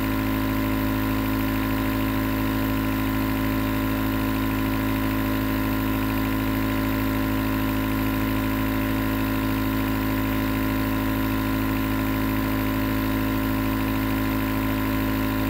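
Loud continuous buzzing motor hum of a nebulizer compressor running steadily, without pause.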